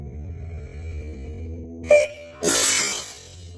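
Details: A sharp indrawn catch, then a forceful sneeze over a steady low background hum, from a woman's itchy-nose sneezes.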